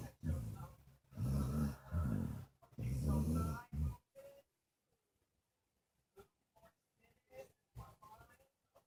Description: My yiddle boy, snoozing away.